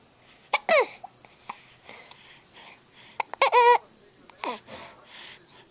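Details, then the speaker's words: A young child lounging watching TV, looking tired, has sharp, sudden catches of breath between fussy infant sounds; hiccups. "Oh, do you have the hiccups? Do you have the hubcups?"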